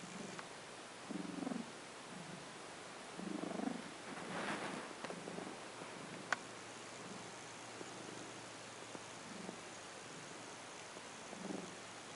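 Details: Rough, purring breathing recorded at 3 am, with a throat clearing noted later: a quiet, rough, rumbling purr woven into each breath, with a faint snort against soft room hiss.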